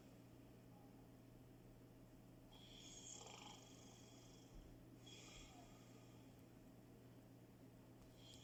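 Faint, soft whistling snores from a sleeping cat, two slow breath sounds over a steady low background hum: snoring.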